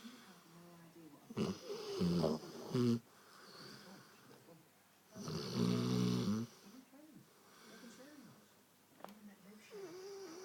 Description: My Roty snoring his little head off and chasing sheep lol